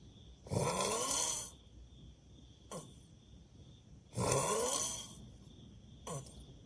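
Loud, rough, rattling snores on each in-breath, about two in six seconds, with a quieter snort between; a steady room tone runs underneath.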